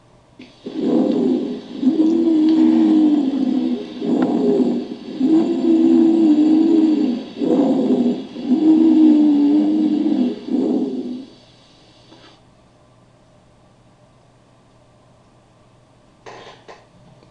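Repeated breaths carry a steady, musical, whistling tone through each breath sound over a faint hiss, then quiet: continuous wheezes.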